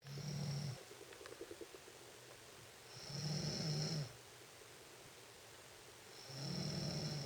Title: Sexy Girl Noisy Snoring